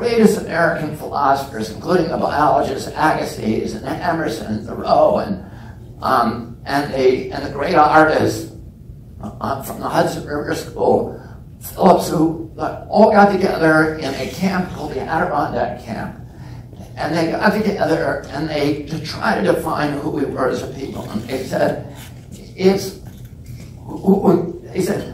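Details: Real adult man with spasmodic dysphonia (he calls it spasmodic dystonia), onset at age 42 after a previously strong voice; he reports symptoms lessen or go away after speaking a while. Finding: spasmodic dysphonia.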